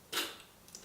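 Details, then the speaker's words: Child being taught to use a metered-dose inhaler with a spacer, with a good seal on the spacer: one brief hissing puff as the canister top is pressed. "now afraid of what I'm going to do is I'm going to press post this little top and your hero shishi noise"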